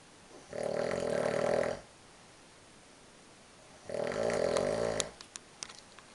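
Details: Two long, loud, rumbling snores on inhaled breaths separated by a quiet pause, then a few soft clicks; person snoring while on tour with a downhill cross-country team.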